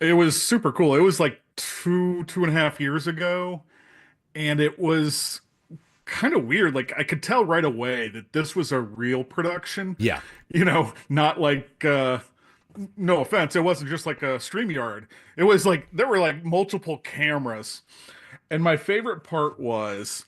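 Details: Adult speaker; Normal speech.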